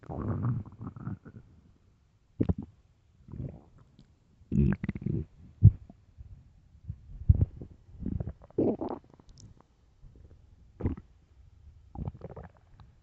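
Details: Empty stomach producing repeated deep, low gurgling rumbles with short pauses between them; extremely loud stomach growling, ordinary bowel sounds.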